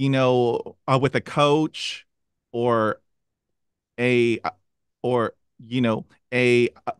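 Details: Stuttering in an adult who stutters, with part-word repetitions heard before a word.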